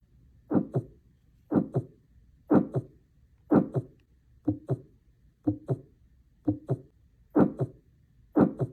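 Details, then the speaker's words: Paired heart sounds at about 60 a minute with a soft whooshing, blowing sound between them from turbulent flow across the heart valves: a heart murmur. "heart murmur sound like whooing or blowing and are caused by turbulent blood flow across the heart vales they're described by the stage of the heartbeat when the murmur is heard either systolic or diastolic"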